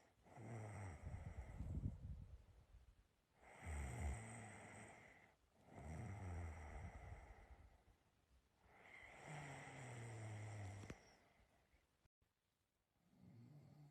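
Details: Loud, rough, low-pitched snores on each breath in, about four in the recording, with quiet gaps between them; a person snoring.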